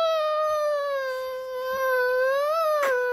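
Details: Infant crying: a sustained, high-pitched wail held steadily with slight rises in pitch.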